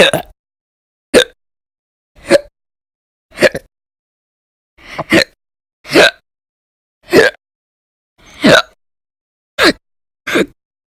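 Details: Recurring violent, loud hiccups, with bouts reportedly lasting many hours a day (e.g., 11 h 17 min, 13 h 36 min); ten loud, abrupt hiccups with a sharp gulping catch, about one per second, somewhat irregular.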